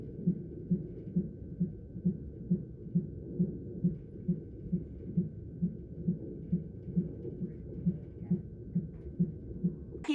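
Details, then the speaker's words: Strong, regular low thumping heartbeat at about 133 beats a minute with faint room hum, described as his very strong heartbeat, recorded in hospital. "i'll share with you really quick his heartbeat a video i took in the hospital of his very very strong heartbeat"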